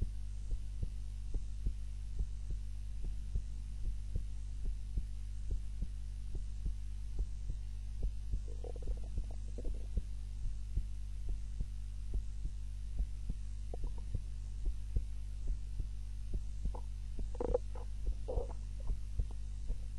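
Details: Heart sounds recorded during a daytime nap with a timer, lying on the back (supine) rather than the usual prone position: steady low heartbeat about 70 a minute under a constant hum, faint rustles; normal heart sounds.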